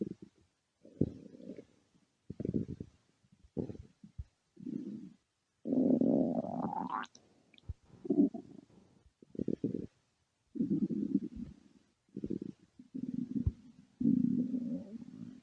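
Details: Irregular gurgling rumbles with one long rising squeal: stomach growling (borborygmi), ordinary bowel sounds from gas and fluid moving.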